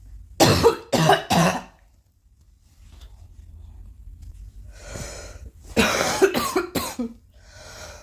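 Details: Young woman coughing amid repeated throat clearing and sniffing: a quick run of three coughs, a pause, then four more, in a quiet room with low hum.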